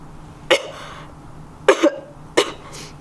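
Three short, sharp acted coughs from an adult, the second with a quick double burst, in a quiet room.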